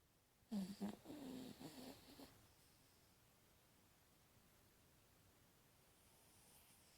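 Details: Brief run of rattling, snorting breath sounds from a small Yorkshire terrier, then quiet room noise; snoring.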